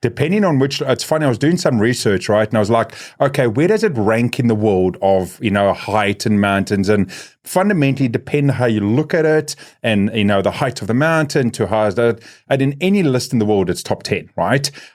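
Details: Adult man speaking; normal speech.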